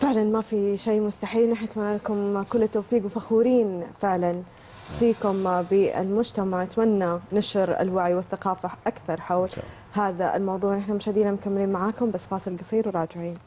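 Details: Adult woman speaking; normal fluent speech.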